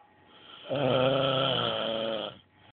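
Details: Drunk adult man sleeping in a friend's house: a single loud, buzzing snore lasting about a second and a half, rising out of quiet breathing.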